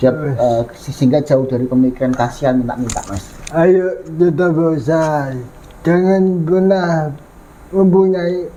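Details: Adult speaker; typical speech.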